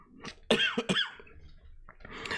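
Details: Adult coughing repeatedly during a live stream: two sharp, explosive, dry-sounding coughs close together, followed by quiet room noise.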